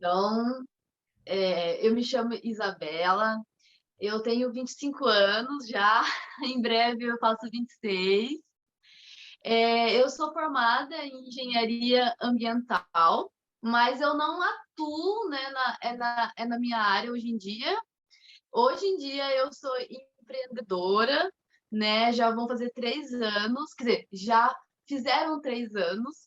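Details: Mild stuttering in a 25-year-old woman, with onset around age two and a half to three.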